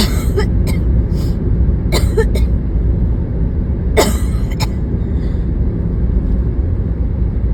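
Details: About eight repeated coughs in clusters, partly masked by heavy road noise; a sudden uncontrolled coughing fit while driving in the morning, with near-vomiting.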